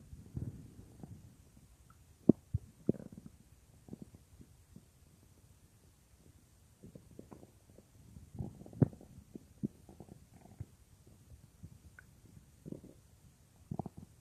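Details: A woman's own stomach recorded while she works at a computer, heard as if lying on her belly: irregular soft gurgles, squeaks and rumbles in a quiet room. Normal stomach growling (borborygmi).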